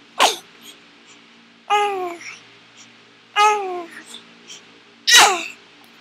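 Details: Six-week-old baby girl sneezing while watching herself onscreen: several short, sharp bursts, some with a brief squeaky voiced tone, typical infant sneezes.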